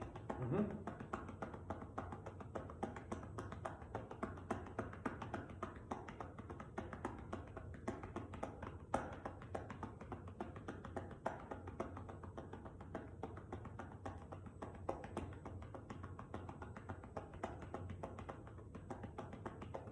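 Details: Manual chest percussion with cupped hands over the left lower lobe posterior segment, on a volunteer lying prone with a pillow under the chest, 90-second demonstration: rapid hollow popping at about 200 a minute, not slapping, for airway clearance.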